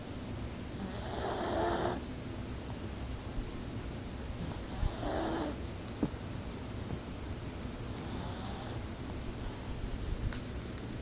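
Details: Sleeping, quiet snoring: soft, rhythmic snoring breaths every few seconds under steady background hiss.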